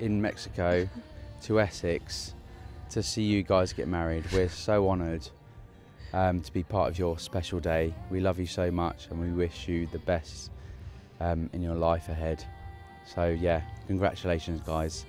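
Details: Adult man speaking; normal voice.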